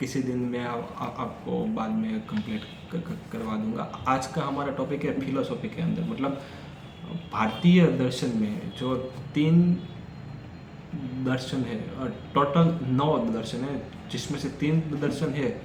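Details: Adult man who stammers, on Day 4 of his daily speech practice, speaking Hindi in a section where he reports noticing more stuttering: stammering.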